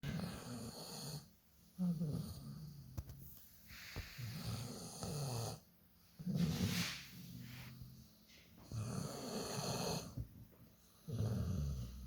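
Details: Sleeping dog snoring loudly: rattling snores in a slow, uneven rhythm, about 13 per minute, with quiet gaps between.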